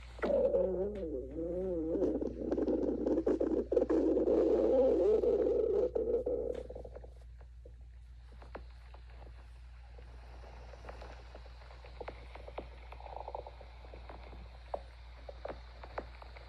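Loud, wavering gurgling growl for several seconds, then soft clicks and pops: ordinary stomach growling.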